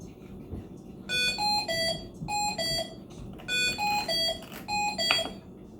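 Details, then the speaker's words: Repeating electronic alarm tones in short bursts, about five groups over six seconds: ventilator alarm after switching from adult to neonatal CPAP mode (PEEP 5), showing the message no apnea detection during a training demo. "and then you get this message uh no apnea detection"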